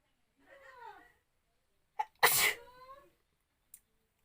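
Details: Sneeze deliberately induced with a strand of hair during a sneezing challenge: brief vocal build-up, then one sharp explosive sneeze with a short trailing voiced sound; an ordinary single sneeze.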